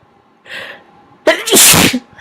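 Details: Deliberately induced sneezing after many earlier sneezes: a quick breathy intake, then one loud, forceful, big sneeze in a quiet room.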